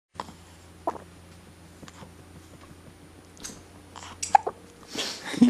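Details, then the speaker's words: Infant boy with hiccups, one deep enough to feel in his stomach; parents suspect extra air swallowed during feeds and plan to ask the pediatrician: brief abrupt catches at irregular intervals with rustling over background hum. Hiccups. "oh baby boy that one was a deep one it I could feel it in his stomach yeah yeah we need to make sure we ask at the pediatrician about that well he may be getting a little extra air in when he feeds and that may be causing it"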